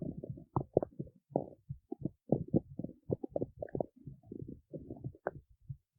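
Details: Low, bubbling gurgles and rumbles in rapid irregular bursts: ordinary stomach growling (borborygmi).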